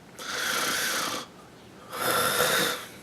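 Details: Snoring in a comedy skit: two long, rough, rattling breaths about a second apart, with a pause between them.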